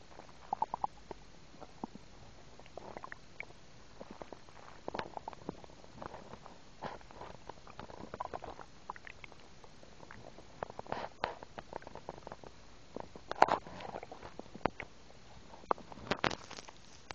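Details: Frequent soft gurgles and bubbling rumbles from the abdomen of a 10-year-old girl; ordinary stomach rumbling.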